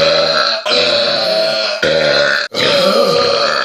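Several long, loud, drawn-out voiced burps in close succession.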